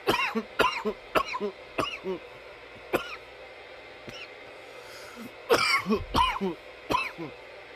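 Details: From a nearly 10-minute coughing recording: about twelve harsh coughs in two runs over eight seconds with a brief pause; persistent coughing fits.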